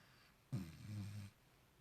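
A single low, rumbling snore lasting under a second, rising out of a quiet room. Ordinary snoring from a sleeping dog.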